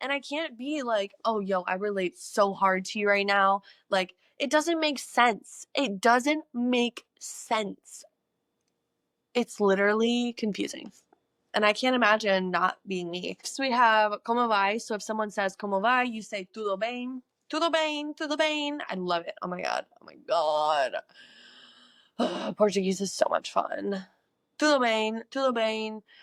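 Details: Woman who says she experiences echolalia, often repeating words from other languages over and over; echolalia.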